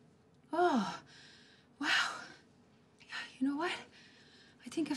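Three sudden loud voiced gasps, each with a falling pitch, separated by quiet pauses.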